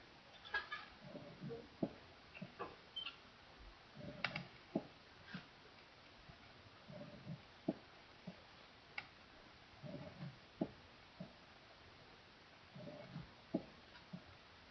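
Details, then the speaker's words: Advanced mitral stenosis presystolic murmur, artificially dissected from its heart sounds, compared side by side with a rough systolic murmur at the apex: the presystolic murmur rumbles up in rough crescendo into a sharp mitral first sound, the systolic murmur is decrescendo. "here's the difference a presystolic murmur it rumbles up into the sharp mro first sound a rough systolic murmur at the Apex this is always decrescendo"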